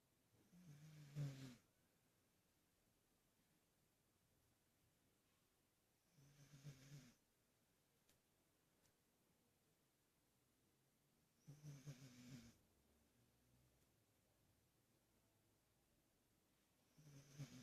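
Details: A sleeping cat snores softly in low, rattling bursts, about four snores, with a small hiccup-like cough.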